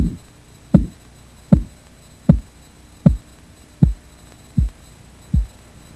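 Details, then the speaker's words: Korotkoff sounds from a 1997 Red Cross blood pressure auscultation practice sample, heard by stethoscope during cuff deflation (first sound systolic, last diastolic): regular sharp tapping pulse sounds, about 78 a minute, fading slightly. "Remember, the first sound you hear is the systolic pressure, and the last sound you hear is the diastolic pressure."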